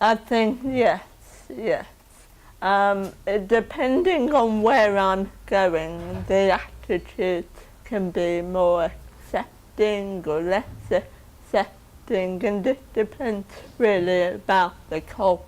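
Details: Woman with cerebral palsy from 28 minutes of oxygen starvation at birth due to birth complications, tube fed for her first 4 months; dysarthric speech in cerebral palsy.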